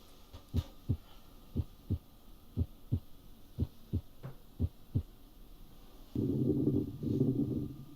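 Simulated stethoscope playback of steady paired heartbeats, about 60 a minute, followed by two breath sounds.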